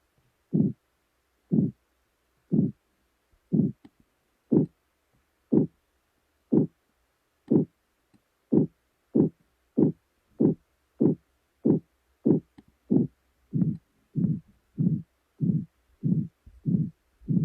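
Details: Software-simulated pulsatile tinnitus, generated to share what a sufferer hears: regular whooshing thumps speeding from about 60 to 100 per minute.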